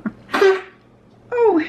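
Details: Cough.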